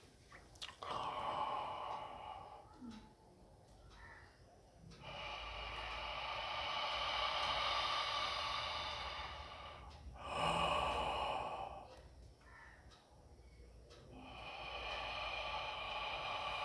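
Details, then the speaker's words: Costal breathing exercise for overcoming stammering: right hand on chest, fast inhalation through the mouth, hold two to three seconds, then exhale for double the inhalation time, practised an hour daily. "इसी तरह से आपको coastal breathing करना पड़ेगा और आपको बोलते वक्त इसी तरह से सास इन्हेल करके मुंह से साथ इन्हेल किया फिर थोड़ी सेकंड होल्ड किया फिर बोला"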